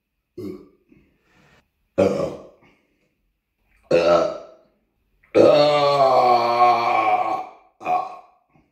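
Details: Five voiced belches after drinking cheap cola, short ones and one long drawn-out belch of about two seconds, recorded on a Samsung Galaxy S9 phone; burping.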